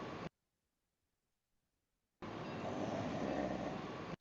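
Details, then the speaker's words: Loud rattling snoring from epiglottic collapse during sedated drug-induced sleep endoscopy for sleep apnea. The epiglottis is drawn inward and vibrates, and the monitor shows slight oxygen desaturation; snoring. "as as the iGo is indrawn you can actually hear the vibrations and the snoring and you can actually hear the monitor uh desaturating a little bit"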